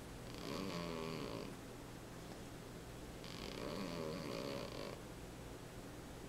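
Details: Cat snoring during a nap: two long, rattling snores on the in-breath about three seconds apart, over a steady low hum.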